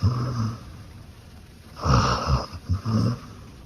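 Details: Female beagle asleep: low rattling snores with snorting breaths. Snoring.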